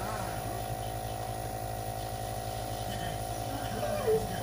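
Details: Child using her grandmother's nebulizer while being encouraged: steady mechanical hum of the running compressor, faint background voices and a brief bump near the end.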